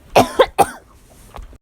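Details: Three quick, forceful cough bursts in close succession, then a faint fourth, from a college student found collapsed in a bathroom at 4:30 am; harsh, loose-sounding coughing fit.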